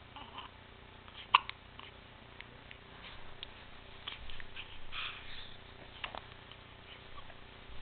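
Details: Baby girl's hiccups: a single sharp, brief hiccup burst over quiet room noise, with faint soft sounds afterward.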